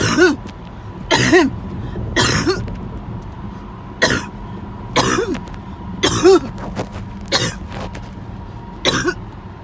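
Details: An adult gives a run of about eight harsh coughs roughly a second apart, the end of a 20-minute coughing spell.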